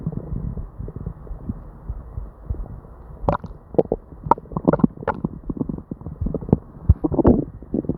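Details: Person with diarrhea: upset stomach with frequent gurgles, pops and rumbles with hardly a pause; non-stop hyperactive bowel sounds.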